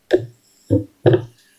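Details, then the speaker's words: Normal, symmetric heartbeat: dull, low regular lub-dub thumps with no extra sounds, a recorded example of auscultation sounds. "normales. Eh, simétrico."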